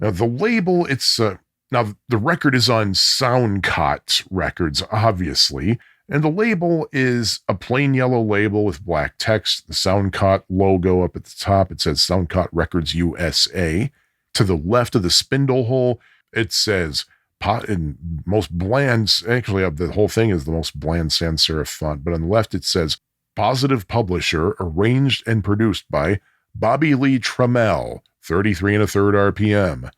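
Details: Adult male speaker; normal speech.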